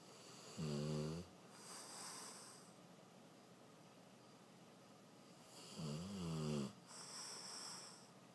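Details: Two long, low, vibrating snores on breathing in, each followed by a soft breath out, in a quiet room, from a dog sleeping soundly; snoring.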